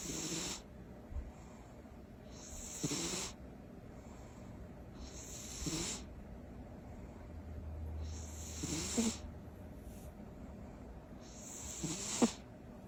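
Soft rasping snores with a hissy edge come about every three seconds, near 19 a minute, from a sleeping cat; ordinary harmless snoring.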